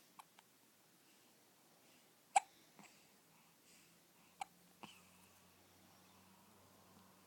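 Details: 2-week-old infant with long-lasting hiccups: several brief, sharp hiccup sounds at irregular intervals with a soft infant vocal sound; ordinary newborn hiccups.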